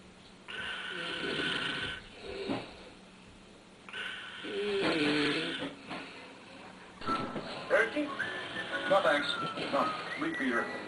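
Rough, rattling breathing noises over television talk and music, consistent with snoring.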